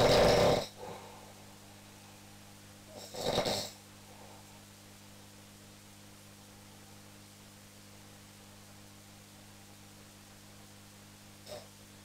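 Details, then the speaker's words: Sleep-lab teaching video of a sleeping patient: two loud snores, then about eight seconds of silence while he visibly tries to breathe against a throat blockage; snoring with obstructive sleep apnoea. "sie haben gesehen dieser patient hatte im schlaf zunächst geatmet geschleift und ab einem bestimmten moment hat er erkennbar versucht zu atmen aber es waren keine geräusche mehr hörbar sie haben gesehen er hat versucht gegen einen widerstand an zu atmen"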